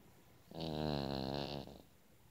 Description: 8 year old yorkie snores